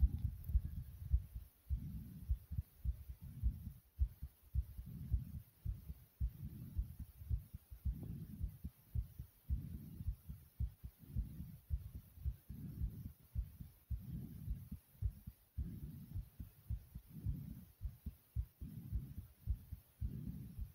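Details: Heart thumping strongly after exercise: strong, fast, regular low thumps at about 110 beats a minute.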